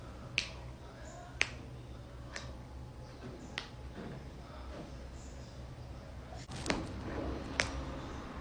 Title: cracking joints